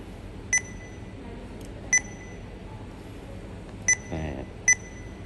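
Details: Four short, high electronic beeps at irregular intervals over steady room hum: keypad tones of a PCA/PCEA infusion pump while setting the hourly limit to 8 doses per hour.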